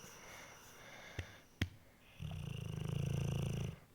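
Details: Pitbull dog Pete snoring while asleep: a few soft knocks, then a low, fluttering, rumbling snore lasting about 1.5 seconds in a quiet room.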